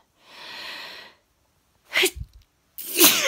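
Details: Sneezing that has just started at 3:10 on a Tuesday morning, after a long weekend of parties and hot weather: a hissing in-breath followed by two sharp, explosive sneezes in quick succession.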